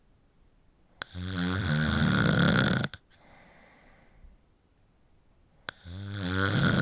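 Two long, loud, rattling snores on inhalation, separated by a quieter breath out; harsh vibrating snoring during sleep.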